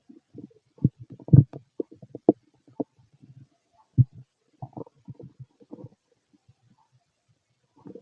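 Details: Fit adult male's stomach while digesting: irregular low gurgles and rumbles in bursts with quiet gaps; ordinary stomach growling (bowel sounds).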